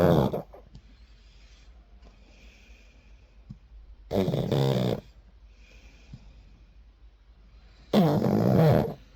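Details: Sleeping pug dog snoring: three loud, rattling, evenly spaced snores with quiet breathing between them.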